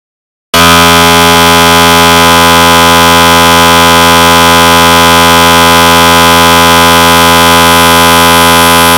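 Loud, steady, harsh buzzing tone after a short silence; a recreated MRI scanner's gradient noise.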